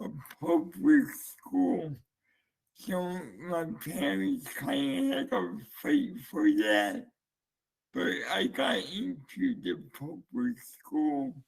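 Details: Dysarthria (slurred speech) in a man who uses a speech-captioning app, heard before the captioning was switched on.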